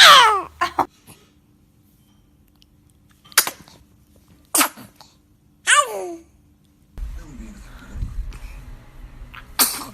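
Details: Baby sneezing: several small, sharp, high-pitched bursts with quiet gaps between them, with an adult voice in the background.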